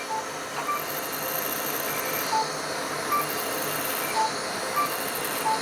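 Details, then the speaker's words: Fraxel fractional laser handpiece passed evenly across facial skin during wrinkle and acne scar treatment, after microneedling radiofrequency; steady machine hum with regular short electronic beeps about every half second. "for each pass you want to get a nice even application it's like paint brush little paint brush or painting laser energy across the skin"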